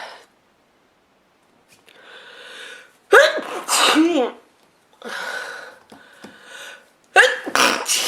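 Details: Woman sneezing repeatedly, several sharp forceful sneezes each with a quick in-breath before it, in a quiet room, also blowing her nose into a handkerchief.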